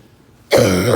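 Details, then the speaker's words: Adult who reports being unable to stop coughing, struggling to breathe, and bringing up no phlegm: an abrupt, loud cough burst that cuts off at the end of the clip. Dry, non-productive cough. "No damn phlegm coming out."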